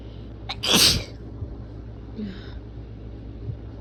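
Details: One forceful, explosive sneeze after a short intake of breath, over a steady background hum; a single strong sneeze.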